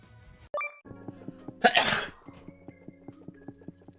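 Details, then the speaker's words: VTuber sneeze from a livestream highlight clip, after saying they're about to sneeze: a single loud, explosive sneeze over steady background music. "Sorry, wait. I'm about to sneeze."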